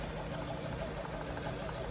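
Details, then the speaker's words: Steady low mechanical hum with faint rhythmic pulsing: a Belmont rapid infuser running normally while priming its internal tubing with plasma, before the patient line is primed, in a training demonstration. "and this is priming our internal tubing after we'll Prime our patient tubing down there"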